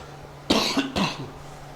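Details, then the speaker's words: Two sharp cough bursts from an adult man who says he is still sick and has coughed a lot during the recording, heard in a quiet room. "Sheesh, bro, I've coughed so much in this recording. Not good. I literally didn't cough for like hours before this."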